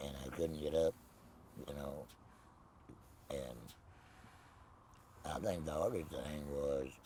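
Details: Tracheoesophageal speech in an adult man after laryngectomy with no voice box, speaking with a Provox voice prosthesis.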